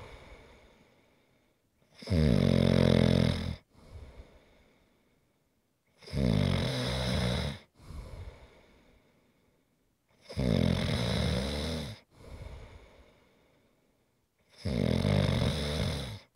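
Loud, rattling snores on each breath in, with quieter breaths out, about four breaths in sixteen seconds; ordinary snoring.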